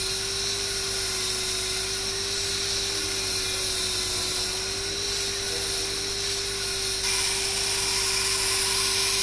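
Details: Dental handpiece with a straight fissure bur cutting a class 5 cavity (cervical third, buccal surface, maxillary first molar), about 0.75–1 mm deep, for a GIC restoration. Steady high-pitched whine with lower hum and hiss.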